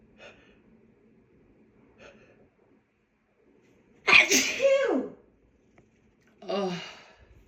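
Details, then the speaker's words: Adult woman with hay allergy: faint sniffing intakes, then a loud explosive voiced sneeze with falling pitch and a shorter voiced burst. Allergic sneezing fit. "I have to sneeze. Tickles. Oh God, I just want to sneeze."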